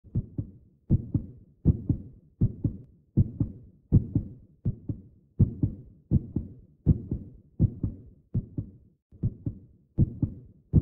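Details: Edited sound-effect recording of a baby heartbeat: steady paired low thumps at about 80 beats a minute.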